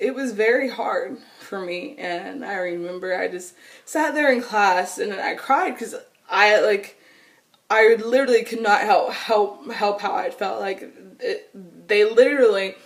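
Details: Adult woman with stuttering since she began talking in childhood, persisting into adulthood; she says nervousness, excitement or anger intensify it and phone calls make it much worse.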